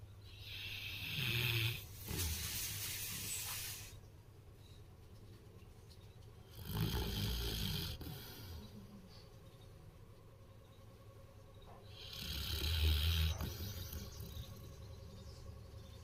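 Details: Sleeping dog snoring: three slow, rough snoring breaths with noisy exhalations, about 11 a minute.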